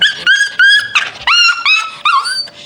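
High-pitched whines and whimpers in short repeated bursts from a small dog indoors, a sign of distress or discomfort.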